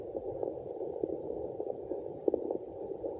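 Steady whooshing, pulsing rush of flow over static on a fetal Doppler; placental blood flow sound, a normal finding.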